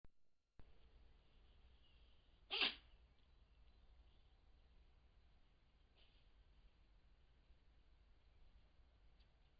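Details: Fox sneezing: one sharp, high sneeze, then a faint second puff a few seconds later over quiet background.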